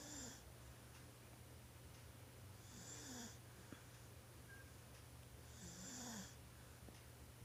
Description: Hahaha! 1yr old pa lang lakas ng humilik..